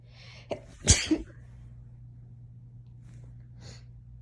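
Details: Person in bed tickling their nose with hair strands to trigger itchy sneezes after nasal irritation from cleaning a cat litter box: quick inward breath, then one sharp, deliberately stifled sneeze with trailing breath; sneezing.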